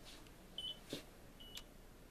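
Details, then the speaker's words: Faint short electronic beeps and soft clicks in a quiet room as a BiPAP machine runs its start-up routine. This is a demonstration of fitting a BiPAP mask for a baby or young child, not on a real patient. "and when we turn the BiPAP on it should be able to move a little bit so I'm going to turn this BiPAP machine on that I have over here"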